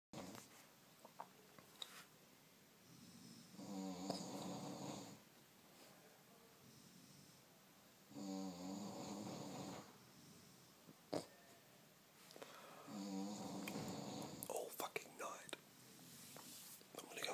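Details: Morning snoring in a Budapest party hostel: repeated soft, rattling snores every few seconds over faint room noise and rustling; snoring during sleep.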